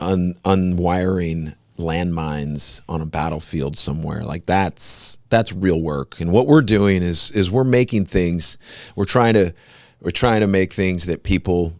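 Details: Adult man speaking; normal voice.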